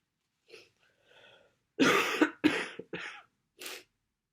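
Soft sniffing breaths followed by a few sharp sneeze-like bursts, from a congested head cold.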